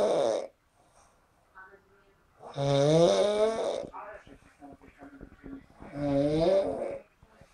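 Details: Man sleeping after a party: loud, rattling snores with a low vibrating tone, separated by quieter breathing, about 18 breaths a minute; ordinary heavy snoring.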